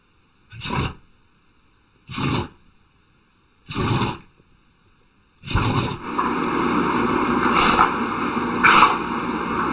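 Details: Dog sneezing: four short, sharp nasal bursts about a second and a half apart, then noisy background; repeated sneezes.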